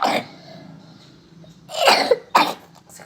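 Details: Person with a cough given bitter melon leaf (daun pare) drink as a remedy: three short, harsh coughing bursts separated by quiet breathing.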